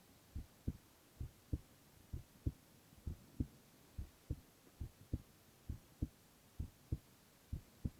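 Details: Male ASMR recording of heart sounds alone, without speech: steady paired lub-dub heartbeats at about 65 a minute, no added sounds, ordinary resting heartbeat; normal heart sounds.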